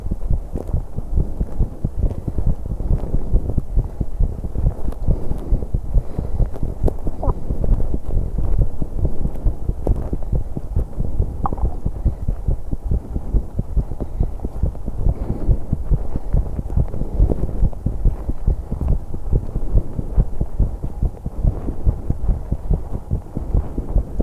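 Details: 21-year-old woman's heartbeat during exercise on an exercise bike: fast, dense heartbeat thumps under heavy breathing noise, a quick heart rate from exertion, recorded to capture breathing sounds so noisy.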